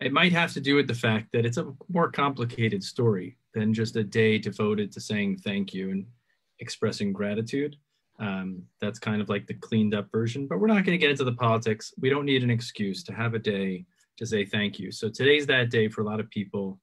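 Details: Adult male speaker; ordinary speech.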